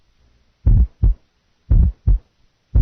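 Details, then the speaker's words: Low-frequency heart murmur, heard best with the stethoscope bell lightly held; nursing heart-sound assessment teaching recording. "low frequency heard best with the bell lightly held"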